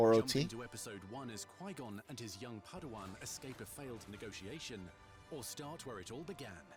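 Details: Adult male narrator; normal speech.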